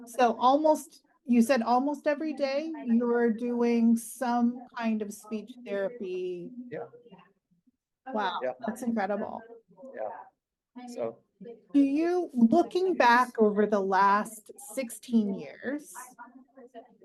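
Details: Adult woman speaking; ordinary fluent speech.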